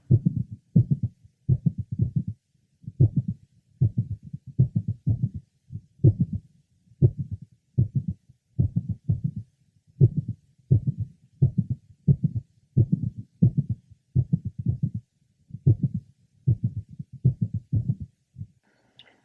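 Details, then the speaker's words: Mitral valve prolapse in a woman with a typical straight back; heart sounds at the apex with a single mid-systolic click and an irregular rhythm from frequent premature nodal contractions. "this patient as you recall has a typical straight back in addition to her ulary findings of a mid systolic click and frequent premature nodal contractions"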